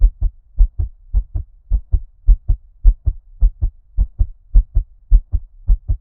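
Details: ASMR heartbeat recording with ear-cupping, underwater-like muffling: regular paired heart thumps at about 105 per minute, a fast heart rate.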